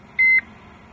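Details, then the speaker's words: Zoll AutoPulse load-distributing band chest compression device: a single short high-pitched pause alert tone sounding once compressions have been paused for 10 seconds, reminding clinicians that the patient's blood flow has stopped. "to further assist clinicians in minimizing no flow time the autopulse has a pause alert tone as a reminder that blood flow for the patient has been stopped"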